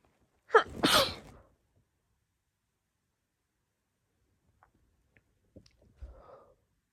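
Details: Allergic sneezing in a woman triggered by a friend's dogs, sneezes sounding unusual compared with her normal ones: a single sharp, forceful sneeze, then quiet and a few faint snuffles.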